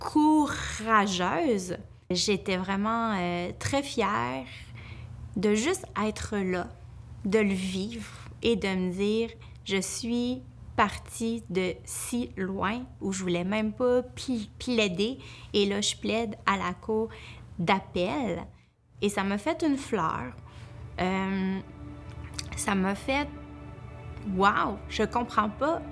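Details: Speech of an adult woman who stutters, working as a lawyer; she says her stuttering increases greatly when she is nervous; stuttering.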